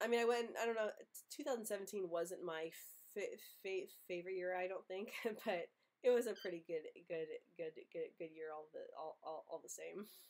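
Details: Stuttering in an adult who runs a stuttering channel, speaking with a cold; word repetitions such as "good good good".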